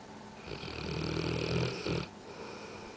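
One loud, rough, fluttering snore lasting about a second and a half, then quiet breathing noise: ordinary dog snoring.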